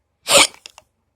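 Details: A single hiccup during a recording, with hiccups recurring just after the speaker thought they were gone: one sudden, sharp breathy burst followed by faint clicks.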